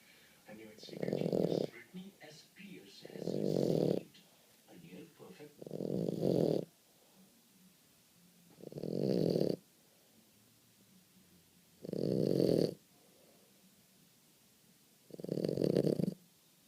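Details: Boston Terrier sleeping after about three hours of play at the park and a bath: loud, rough, rattling snores repeating steadily at about 20 a minute with quiet pauses between; a dog snoring in sleep.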